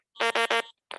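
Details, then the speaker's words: Electrolarynx mode change made by pressing the power and mode buttons together: three short, evenly spaced buzzy beeps signalling mode three; electrolarynx mode-change beeps. "And then it just did three beeps for you. So, um, that means I'm in mode three."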